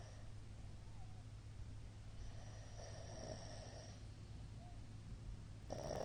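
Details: Older man sleeping, snoring recorded 2022-04-17: low, rumbling breathing noise during sleep over a steady room hum.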